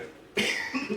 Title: Who Will Cough First?...